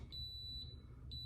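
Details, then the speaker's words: Bone fusion stimulator used about four weeks after C5–C7 ACDF surgery, alarming because it is not plugged in: repeated high-pitched electronic beeps over low room hum, which stop once it is connected. "not plugged in and the alarms going off letting me know it's not plugged in so i'll put it on my belt clip when i plug it in and then it stops beeping"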